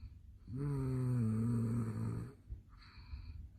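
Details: Adult man asleep late at night, a habitual loud snorer: one long, loud, low rattling inspiratory snore then a quieter breath; heavy snoring.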